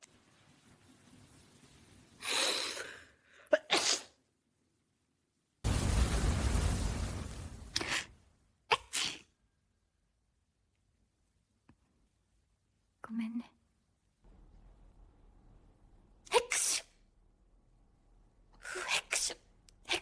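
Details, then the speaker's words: AI-generated (Sora2), simulated person sneezing: about six or seven separate sharp sneezes with quiet gaps between them. "あ、へっち、すごい出た。あ、また、へっち、はあ、あっち。ごめんね。すごいの出ちゃった。"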